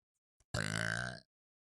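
A single deep, voiced belch lasting under a second; a burp.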